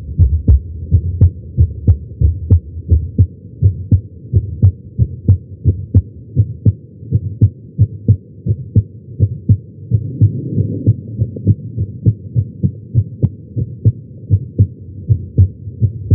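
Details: Heart sounds recorded with a Stemoscope at the tricuspid area, lying on the chest during chest pain: strong regular paired thumps about 105 beats a minute with a low hum between beats.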